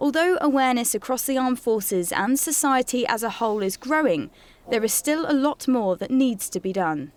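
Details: Adult woman speaking; normal fluent speech.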